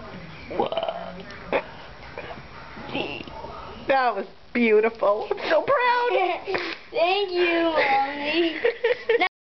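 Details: Female burping the alphabet on request: long, rough, gurgling voiced belches shaped into letter sounds, one after another; deliberate burping.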